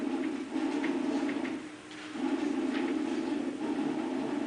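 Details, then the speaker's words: Normal breath sounds played over a loudspeaker during an asthma presentation: soft, even airflow rising and falling with breathing, muffled by playback, with no added noises. "That doesn't sound too nice coming through here, but that represents a normal breath sound."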